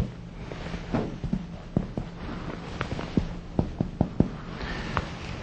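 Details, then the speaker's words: Teaching demonstration of posterior chest percussion on a standardized patient, striking the finger placed on the back two or three times from the top of the lung fields: short dull taps in small groups over normal lung. "the act of percussion you place your index or middle finger uh on the patient's post to your chest and with your other index or middle finger strike quickly two or three times"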